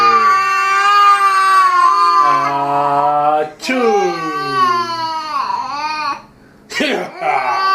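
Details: 10-month-old twins scared by their father's sneeze: loud, high, wailing cries from both babies overlapping, with brief breaks for breath; infant crying.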